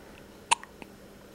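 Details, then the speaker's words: Infant girl with hiccups, held by her mother, usually fusses with them but calm now: one small, sharp hiccup in a quiet room; ordinary infant hiccups. "here's chloe she always gets the hiccups i wanted to get in my video because they're cute"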